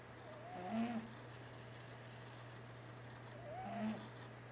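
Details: Cat asleep snoring: two soft, rasping breath sounds about three seconds apart over a steady low hum; the cat also twitches while dreaming and roars on waking.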